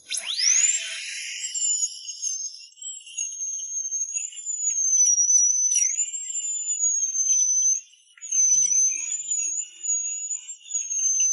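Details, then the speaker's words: Dental drill, used without anesthetic, removing a shallow cavity between the two front teeth before a resin filling: high, steady whine spinning up and holding its pitch, with slight dips as it cuts tooth. "Without further ado, I didn't even get the anesthetic. Directly on the drill bit Remove the auxiliary characters first."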